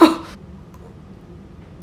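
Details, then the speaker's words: Involuntary vocal tic in a person with tics while trying to eat candy during a livestream; a brief, abrupt sniff-like vocal burst, then near silence. "okay if i can stop ticking for like one second i can get this in my mouth"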